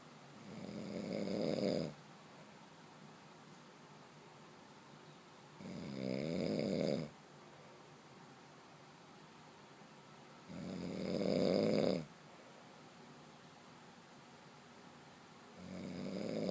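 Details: Regular, rough snores on each in-breath, roughly every five seconds (about twelve breaths a minute), with quiet pauses between; steady snoring.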